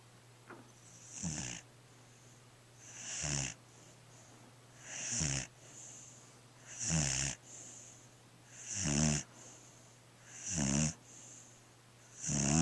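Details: Regular snoring with a soft whistling hiss on each breath, about 34 breaths a minute, from a small black pet dog asleep.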